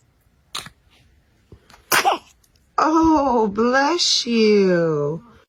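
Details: Baby's small simultaneous sneeze and cough burst, then a brief cry-like fuss in a quiet room.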